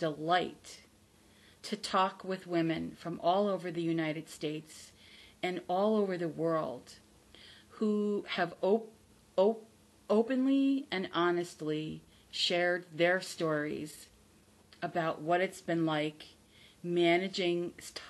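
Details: Adult woman from the United States, a self-described person who stutters; she says she is not recovered from stuttering, only from the fear of it, and that listeners can hear her stutter; stuttering.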